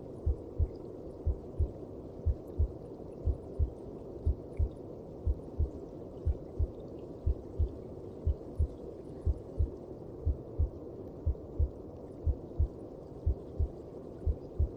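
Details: Heartbeat heard inside the mother's belly (womb): steady, even lub-dub thumps at about 60 beats a minute over a soft whooshing rumble.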